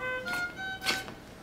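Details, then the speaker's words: Ventilator low tidal volume alarm on a pressure-ventilated patient after closed-system suctioning of the endotracheal tube, with the suction catheter not fully withdrawn: ventilator low tidal volume alarm. "so I'll kind of let you see what's happening with the ventilator when you take a look and see that you got that low tidal volume alarm going off"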